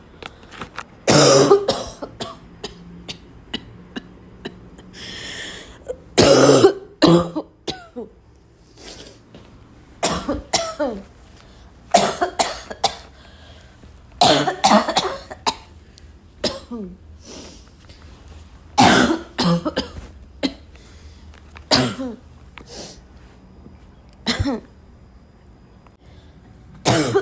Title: barking cough again and again…